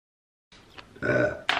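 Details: A single short, throaty, voiced belch from a woman, with a faint lead-in and a sharp ending.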